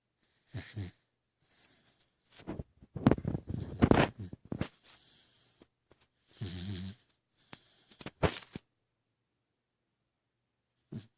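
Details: Irregular snorting and snuffling breaths with brief rattling snores and pauses between them; noisy sleep breathing, snoring.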